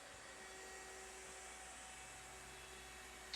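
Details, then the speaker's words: Prototype improvised DIY home ventilator built from household items: steady blower hum and hiss, with excess pressure not needed by the lung diverted as harmless bubbles through a water-filled wine-bottle safety relief valve. "Any excess pressure or airflow will be diverted harmlessly as bubbles in the bottle, going out into the room air. There you can see some excess pressure that isn't needed in the patient's lung. It's being diverted as harmless bubbles."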